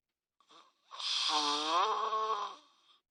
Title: Grizzly snore... Guess who!?!?! LOL